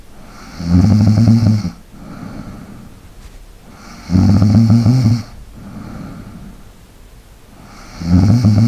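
Loud, rattling snores on each breath in, about 17 a minute, with quieter breathing out between them.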